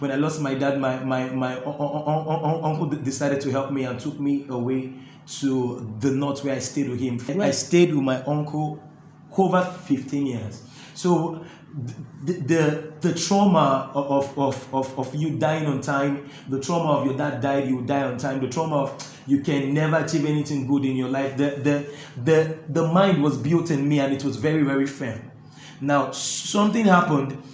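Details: Adult man who stammers, finding talking difficult while singing flows easily; stuttering.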